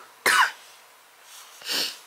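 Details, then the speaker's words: Two harsh, abrupt cough bursts from an adult woman with a respiratory infection, painful to cough, voice recovering; she fears it may turn into pneumonia. "fuck sorry respiratory infection y'all it hurts um God I hope this doesn't turn into pneumonia"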